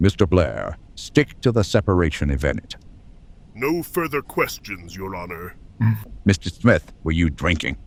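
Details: Adult male voices, acted courtroom dialogue; normal speech.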